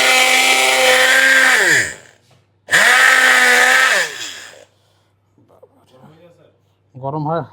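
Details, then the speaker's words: An oscillating cast saw removes a hard plaster cast from the leg of a patient who broke a leg bone falling during marching training. Two loud bursts of high, buzzing motor whine wind down after each, with brief quiet talk between. "আজকে আমরা একটা মেশিনের মাধ্যমে খুব অল্প সময়ে আমরা এই ড্রিল মেশিনের মাধ্যমে এই আজকে আমরা এই প্লাস্টারটি খুলব।"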